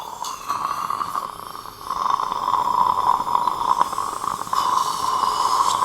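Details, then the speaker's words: Fully guided dental implant surgery for an implant-supported overdenture, last osteotomy drill (stated as 2.813) with saline irrigation: steady high surgical drill whine with brief dips, snorting nearby; final dental implant drilling. "I'm doing my last drill which is 2.813."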